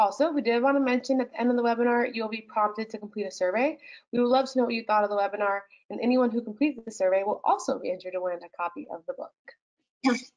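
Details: Adult woman speaking; Normal speech.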